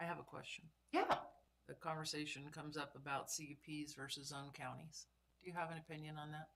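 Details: Adults talking in a meeting room; normal speech.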